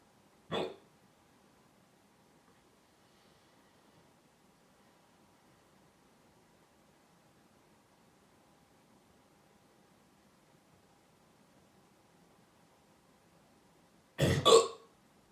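Two short, sharp hiccup sounds about fourteen seconds apart in a quiet room.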